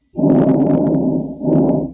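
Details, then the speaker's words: Adult man with reported trouble breathing, stethoscope above the clavicle during deep breaths: soft, even airflow noise with no wheeze or crackles: normal breath sounds. "And this is what normal lung sounds would sound like. Beautiful lung sounds."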